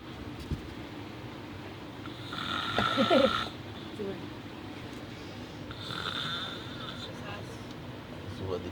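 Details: A sleeping male snoring: two loud, rasping breaths, one near the middle and a fainter one later, over steady room noise.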